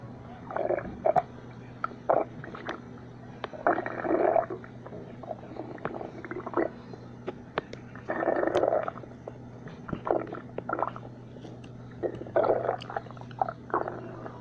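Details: Low gurgling and rumbling bursts over a steady hum: ordinary stomach growling (borborygmi) from gas and fluid moving through the gut.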